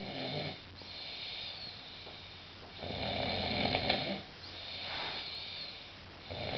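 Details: Rough, rumbling snores with each slow breath cycle over faint room noise, from a person on their birthday after drinking too much; snoring.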